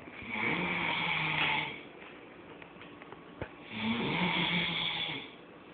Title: Friend snoring and then socked in the face.